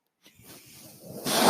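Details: A brief silence gives way to a soft airy hiss that builds steadily: airflow of the speaker's own mechanical ventilator, which he points out while talking in a podcast recording.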